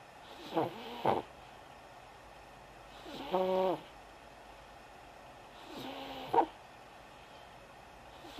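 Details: Snoring in a sleeping son: three snoring breaths over about eight seconds, some with a tonal, whistling quality on the inward breath.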